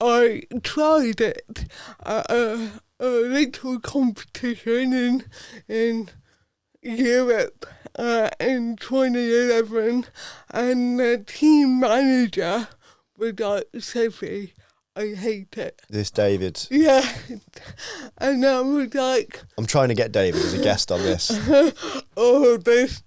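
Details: Adult woman, Paralympic dressage rider, with cerebral palsy from birth that affects her speech; real, not acted; dysarthria due to cerebral palsy.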